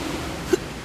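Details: Adult with persistent hiccups lasting over half a year, unresolved by doctors and disturbing sleep, filmed while trying medical cannabis as a remedy: a single short, abrupt hiccup over steady background hiss.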